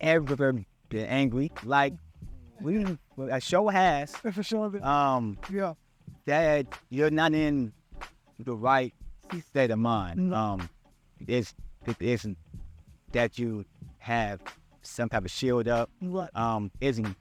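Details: Stuttering in an adult male podcast co-host who stutters and says he still struggles with his speech impediment.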